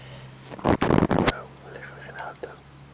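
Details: Bou snoring: a single rough, fluttering noisy breath of under a second, then quiet with faint room sounds.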